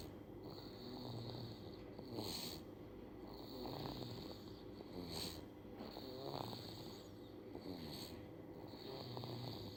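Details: A sleeping baby snoring clearly: soft, irregular rattling snore with each breath over steady room noise.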